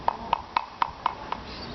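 Five light, evenly spaced taps of metal on a horse's hoof wall give short, solid, dull notes: normal hoof percussion with no hollow sound.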